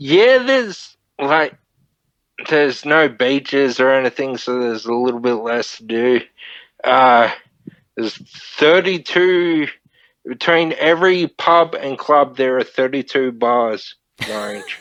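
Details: Ataxic dysarthria (slurred speech) from Friedreich's ataxia, a neurodegenerative disorder, in a 31-year-old man diagnosed at 14; he reports slurred speech and struggling with words as part of the disorder.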